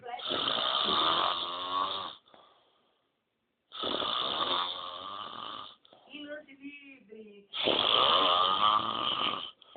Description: Muito croto! filmei meu pai roncando... Muito bizarro! hauhauahua!